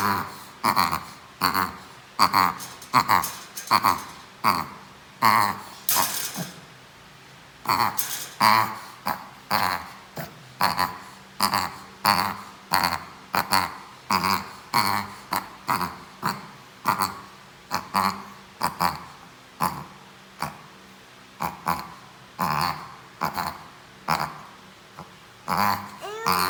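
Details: A 7-month-old Shih Tzu makes rapid, repeated honking snorts at about 79 a minute, typical of reverse sneezing.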